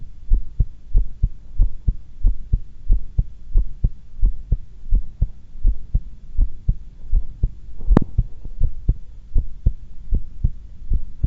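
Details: Steady, regular lub-dub heartbeat about 90 beats a minute with low hum and one sharp click, recorded at rest while calm during voluntary breath-holding; normal heart sounds.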